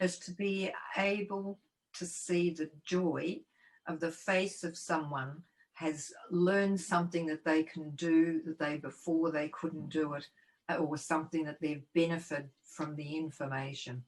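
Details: Person living with aphasia who serves as a committee member of an aphasia support organisation; aphasia.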